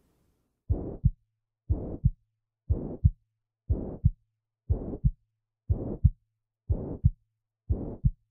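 Regular heartbeat at about 60 a minute with a steady blowing murmur filling systole between the two heart sounds; holosystolic murmur of mitral regurgitation.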